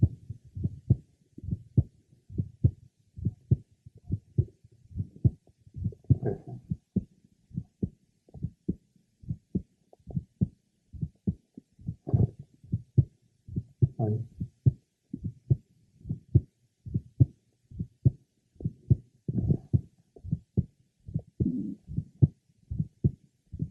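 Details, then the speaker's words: Male patient with a congenital bicuspid aortic valve: aortic ejection sound and a very faint grade 1–2 early blowing aortic regurgitation diastolic murmur. Diaphragm at the third left sternal border, sitting upright leaning forward, breath held in deep expiration. "however he has a very faint grade 1 to2 early blowing aoic diastolic merma did you detect that"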